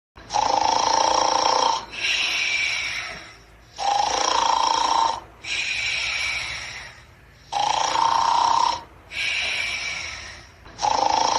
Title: Jellbilly is sleeping snore